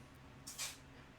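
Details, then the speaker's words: A soft, hissing sneeze burst from a male pet cat having a sneeze attack who has been sick for a while, heard faintly over low room hum. "sorry if you can hear that my cat is currently having a sneeze attack he he's been sick for a little bit"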